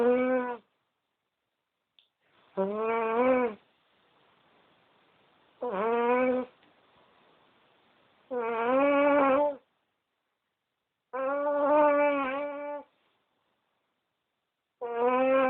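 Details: Loud, droning, strongly tonal dog snoring during sleep, about every three seconds (near twenty a minute), with silent pauses between snores.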